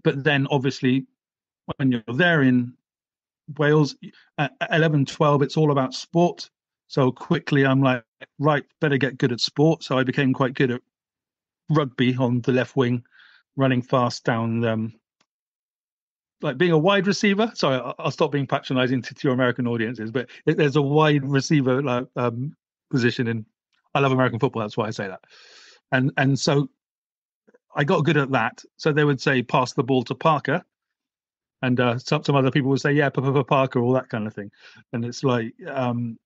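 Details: Stammering (stuttering) since childhood in a 48-year-old British man who had speech therapy at primary school; blocks, particularly on the explosive B sound.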